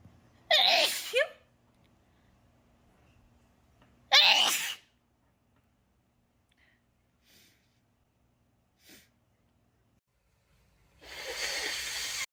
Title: overcome by sneezes